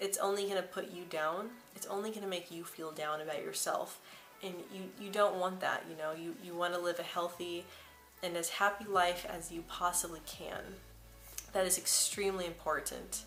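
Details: Speaker, likely female, whose stuttering began at about age 9 or 10; word repetitions audible; stuttering.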